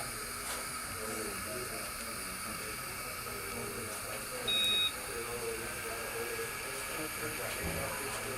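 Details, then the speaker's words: Dental curing light beeping at 10-second intervals during a 40-second cure of opaquer on exposed metal while repairing fractured porcelain on a porcelain-fused-to-metal bridge; single short beep over steady hiss. "Now, this particular light beeps at 10-second intervals. All right, that's our 40 seconds."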